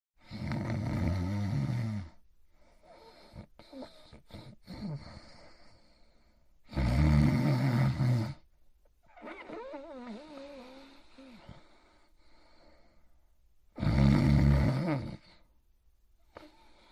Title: Fafa the Explorer: Itchy Itchiford Sleeping and Snoring in his Bed in 1 minute and 10 seconds